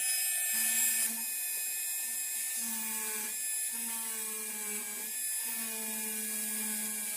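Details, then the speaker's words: High-speed dental drill, high-pitched whine dropping in pitch in short stretches, doing mesial and distal reduction of a mandibular first molar (#36) on a typodont model for a full veneer crown, after deepening the occlusal groove. "So I'll change to this burr, and I will start my mesial and distal surface reduction. So the burr has to pass up like this, like you contact the buccal margin and slightly go up like this, and you have to keep repeating these strokes until you reach to the other side of the tooth."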